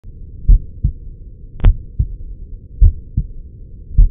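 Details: Normal heart sounds recorded with a Stemoscope over the pulmonary area: regular paired lub-dub beats at about 52 per minute.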